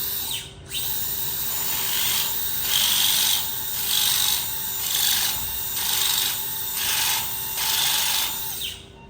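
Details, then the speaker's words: Great toe joint fusion surgery for arthritis, over a guide pin: high grinding, rasping whir in about eight regular bursts as a powered reamer removes remaining cartilage and shapes matching joint surfaces. "So you can see this spins, it's like an eagle talon with sharpened edges. We've already placed a pin down the canal to guide us in the proper direction, and now we're going to remove that surface."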